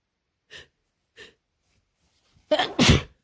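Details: Two short sniffing breaths, then a loud, wet double sneeze from a non-binary person with a cold for two days, suspected highly contagious: sneeze.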